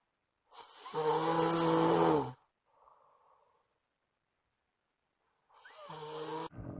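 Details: Friend snoring in sleep loudly enough to keep the recorder awake; a loud, long, buzzing inhaled snore, a soft exhale, then another rattling snore starting.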